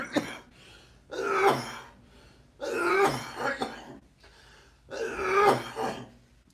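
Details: Three harsh, wet coughing and throat-clearing bouts from an adult with nasal congestion, a chest cold and slight asthma, after a week without an inhaler; productive cough.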